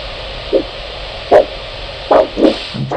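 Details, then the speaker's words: Handheld Huntleigh Dopplex Doppler probe with gel over an ankle artery (dorsalis pedis or posterior tibial) during leg ulcer assessment. The cuff above the ankle is inflated until the signal disappears, then deflated; faint pulsed whooshing returns over hiss, marking ankle systolic pressure. "gel is applied and then using the doppler probe locate the artery and optimize the signal keeping the probe still the cuff is inflated until the sound disappears and then slowly deflated until the sound very good all right"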